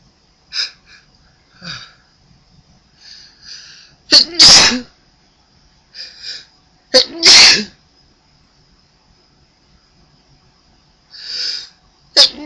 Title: Giving Back (A few sneezes for you)